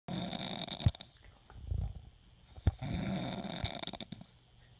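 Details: Two long rough snoring breaths with snorting bursts and a brief pause between them; snoring.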